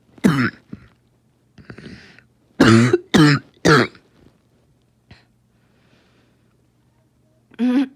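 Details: Repeated harsh, forceful coughs with brief gasping breaths between; a choking coughing fit attributed to asthma.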